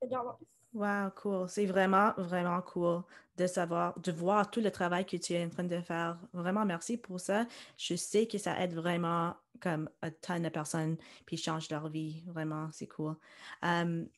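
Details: Adult woman, podcast host; typical speech.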